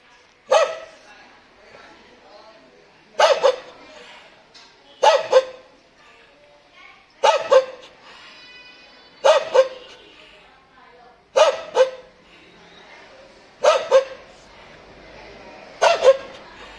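A dog gives about eight short, rough, raspy barks or bark pairs, a hoarse bark.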